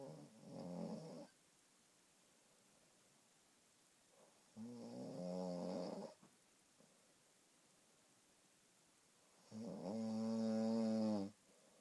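Three rattling, buzzy snores on breaths in, with quiet pauses between, about 12 breaths a minute; ordinary snoring.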